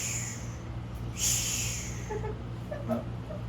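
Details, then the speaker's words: Vocal imitation of a plateau or bar-shaped heart murmur, as opposed to crescendo or decrescendo murmurs, produced by turbulent blood flow. "o bien nada más incendo o decreciendo o en barra como en barra como en los"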